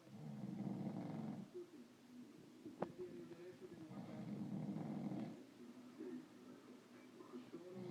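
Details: Snoring: low, rumbling, fluttering breaths in slow cycles, each lasting over a second, with a quiet pause between.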